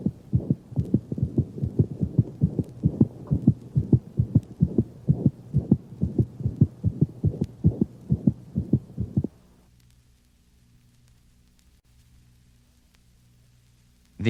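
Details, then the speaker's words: Anemic dog, loudest at the mitral position: rapid regular heartbeat, clear first and second sounds, soft higher-frequency early-to-mid systolic murmur that rarely radiates; anemic murmur. "the first and second heart sounds are clearly heard the anemic murmur is loudest at the mitral position and unlike that of mitral insufficiency rarely radiates to other portions of the thorax"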